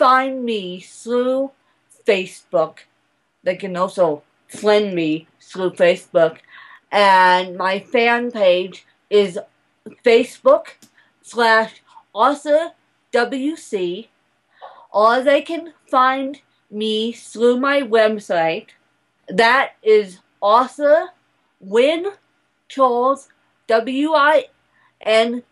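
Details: Adult woman born in 1987 with cerebral palsy from a birth injury, usually lack of oxygen; she reports a slight speech impediment that has improved over the years; the finding is dysarthria due to cerebral palsy.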